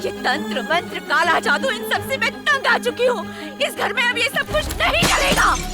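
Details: Adult woman, dubbed film dialogue; normal speech.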